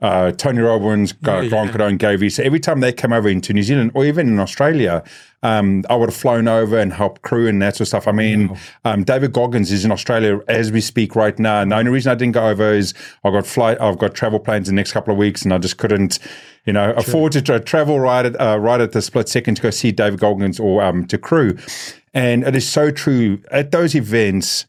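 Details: Adult man speaking; normal speech.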